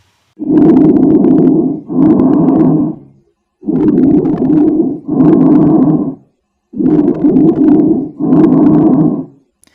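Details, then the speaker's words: Lung auscultation: bronchial breath sounds, which are loud, harsh, hollow and high-pitched, with a gap between inspiration and expiration. "इसमें inspiration और expression के बीच में यहां पर एक गैप देखने को मिलता है"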